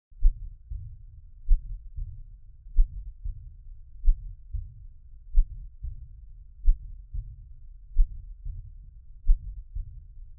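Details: Isolated aortic regurgitation recorded with Thinklabs One digital stethoscope near left sternoclavicular junction, slowed 50%: soft rushing ejection systolic (flow) murmur early in systole; regurgitant murmur less prominent at this position.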